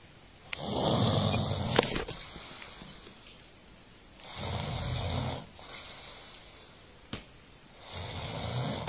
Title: Hitting a snoring guy with a flyswatter